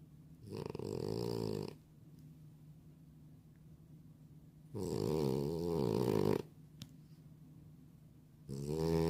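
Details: Sleeping French bulldog: loud, rough, rattling breaths in long noisy bursts with quiet pauses between: snoring.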